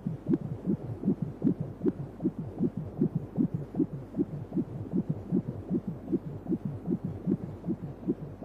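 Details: Rapid, regular whooshing beats at about 150 per minute; a fetal heartbeat on 3D/4D ultrasound at 29 weeks of pregnancy.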